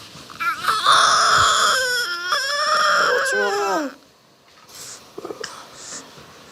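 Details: A newborn boy just after birth, held skin-to-skin on his mother in a maternity hospital, gives strong, high-pitched sustained wails that fade to quiet fussing, with faint room noise; a normal vigorous newborn cry.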